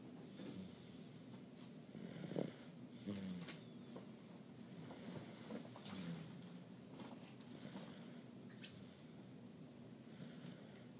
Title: My snoring son